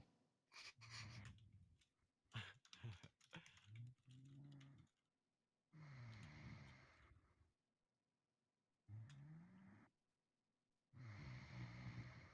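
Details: A man snoring while asleep: low, deep, rattling snores in slow cycles, with quiet pauses between.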